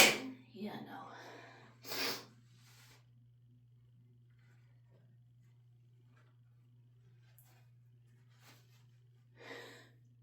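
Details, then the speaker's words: Forceful explosive sneeze after a sharp intake, a second burst, then a quieter sniff, from a sick adult allergic to the dog, on hormones, after taking chhinkni (sneezing powder); sneezing. "So, we're going to see how well I can hold back chimney sneezes. Probably not very well."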